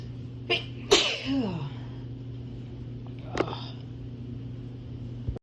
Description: Was cleaning around my apartment and just was able to capture some sneezes